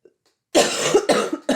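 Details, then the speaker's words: Adult recovering from a weekend illness without fever, with lingering sore throat and some congestion, gives a short run of three harsh coughs after a moment of quiet. "I've got a cough. You can probably hear a little bit of congestion."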